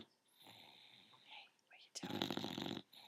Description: Our 10 month old bulldog, snoring away:)